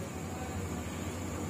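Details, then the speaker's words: Steady low motor hum and vibration as a digital upper-arm blood pressure monitor's pump inflates the cuff at home, before it deflates automatically. The user is meant to stay still and not talk. "इस तरह से start होता है तो इसके अंदर हवा इंंफ्लुएंट है जिससे हमें घबराना नहीं चाहिए कुछ समय बाद अपने आप प्लेट हो जाएगी"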